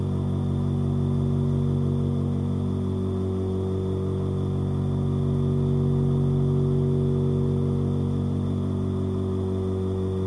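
Continuous, even, low buzzing hum of a nebulizer motor running without change.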